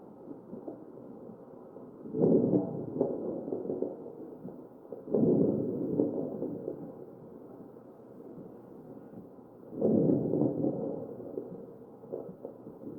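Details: Crackles in a real ventilated patient, chest auscultation.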